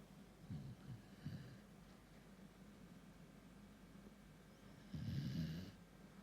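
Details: Tired Kintamani dog (Bali breed) snoring: soft, low snorting snores during sleep with quiet breathing between them.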